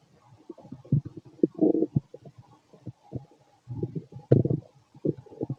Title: Fit male stomach noise after bowel movements